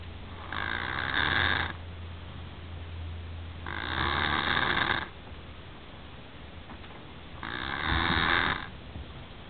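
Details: Son snoring during sleep: regular raspy snores about three per ten seconds, roughly 18 breaths a minute, over a low steady hum; ordinary snoring.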